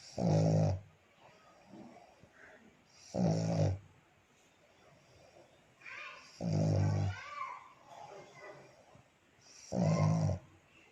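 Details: Black pug named Coco sleeping beside his owner: four loud, rattling snores about every three seconds, roughly 18 a minute, with quiet breaths between.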